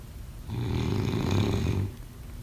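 A single low, rattling snore on an in-breath, rising and fading over about a second and a half against quiet room noise.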